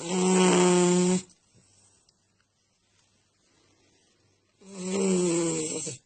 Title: snoring